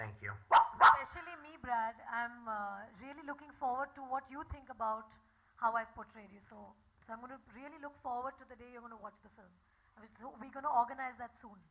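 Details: Adult woman speaking; normal speech.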